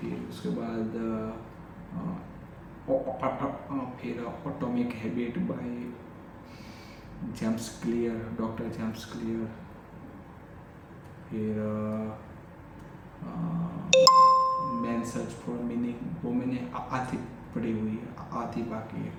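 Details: Adult male with stuttering since childhood, speaking spontaneously in Hindi during day 45 of daily stammering practice (tongue twisters, word repetition, lip and tongue exercises, counting); repetitions of words and phrases; stuttering.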